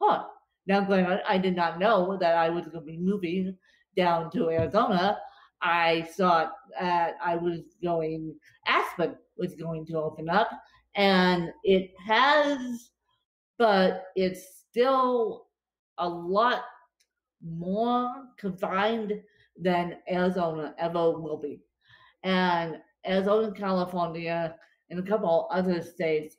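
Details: Dysarthria in an adult woman with cerebral palsy affecting her limbs and brain; she describes speech as tongue-tied following a bad spasm day.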